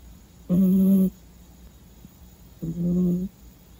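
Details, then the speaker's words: While the listener was trying to sleep, a sleeping dog nearby snored twice: short, droning, slightly tonal snores about half a second each, separated by quiet room noise; snoring. "ผมตั้งใจนอนเร็วนะแต่ได้ยินเสียงกรนอยู่ข้างๆก็เลยตื่นครับ"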